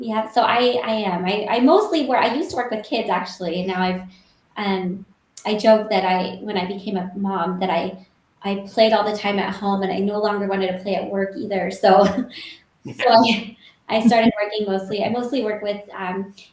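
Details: Adult woman; Normal speech.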